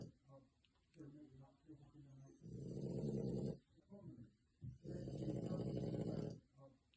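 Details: French bulldog snoring: two long, rough, rumbling snores on inhalation with quieter snuffling between them, typical of a flat-faced dog.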